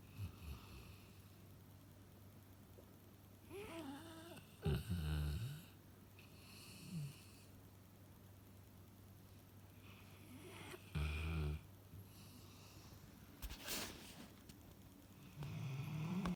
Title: Dog snoring